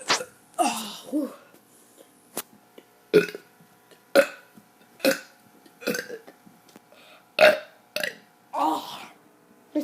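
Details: Child deliberately burping on camera: about ten short, voiced, throaty burps at irregular intervals, some with brief speech between; repeated voluntary belching.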